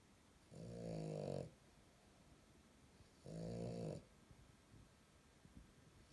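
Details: Loud snoring from LuLu, a sleeping French bulldog: two buzzing snores, each about a second long, with quiet breathing between, roughly 25 snores a minute.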